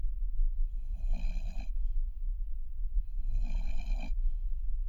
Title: Newfoundlander puppy snoring. Just washed him and he is exhausted. #puppy #cute #newfoundlander